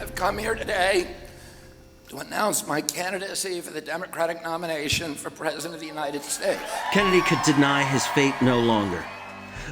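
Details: Spasmodic dysphonia, a neurological voice condition, in an adult man; doctors were unsure of the cause, and he suspects annual flu shots caused it.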